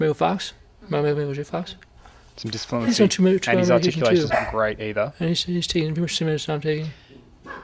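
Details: Man with Parkinson's disease speaking while using a delayed auditory feedback device: hypokinetic dysarthria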